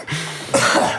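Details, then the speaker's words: A brief throat-clearing sound followed by a single loud, harsh cough burst from an adult man who is very sick. "man those coughs are loud i'm looking at them now peeking"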